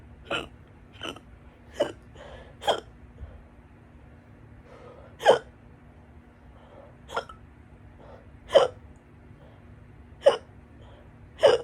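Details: Loud, stubborn hiccups recurring about every one to one and a half seconds, roughly ten in under twelve seconds, while trying to get rid of them; they went on for a couple more hours afterward.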